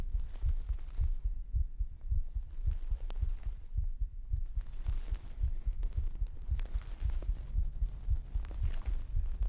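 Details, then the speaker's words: Pre-recorded heartbeat used as an ASMR sleep trigger, 3Dio binaural microphone; steady low paired lub-dub thumps, roughly 55 a minute, regular, with faint background hiss; normal heartbeat. "So, thank you for giving us up to stream elements obviously excluding heartbeats because that's already happening."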